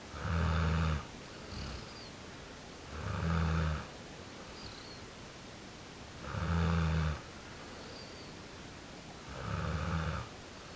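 Deep, regular snores, four in about eleven seconds, roughly 20 breaths a minute, with quieter exhalations between; ordinary snoring during sleep.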